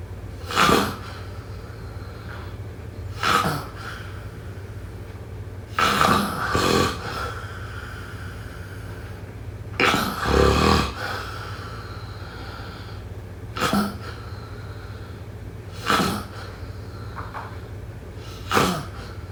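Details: Snoring: short, rough snorting snores repeating about every three seconds over a steady low room hum.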